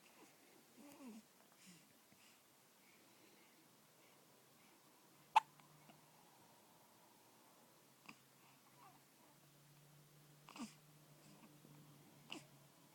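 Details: Two-week-old infant with a long bout of hiccups: sudden sharp catching sounds spaced seconds apart in a quiet room.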